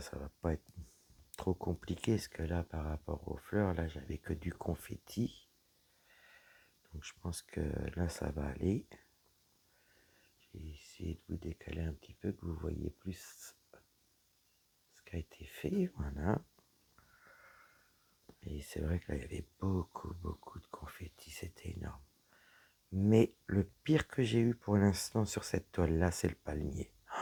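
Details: Dysphonia in a woman whose vocal cords were damaged by a serious health problem; her voice is deeper than before, is at times nearly lost, and she cannot speak loudly.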